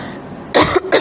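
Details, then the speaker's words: Two short, harsh cough bursts in quick succession from an adult woman giving a talk, who pauses speaking because her cough is hard to settle once it starts. "Ustazah kalau dah batuk memang kena berhenti ya tuan-puan. Sebab dia payah sikit nak apa, nak reda bila dah datang batuk."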